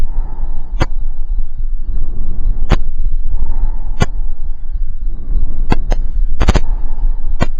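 Soft, steady breath sounds with even in-and-out cycles, no wheeze or crackles; normal lung sounds.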